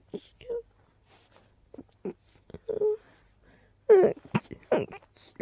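A run of short, soft, stifled sneezes in quick succession, with a few louder bursts near the end; a sneezing fit.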